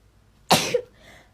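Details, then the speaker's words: Person says it's gonna make them sneeze, then one sudden explosive burst with a short voiced tail over faint room noise; a single sneeze, from a rapid sneezing compilation. "thank you capture it's gonna make me sneeze okay"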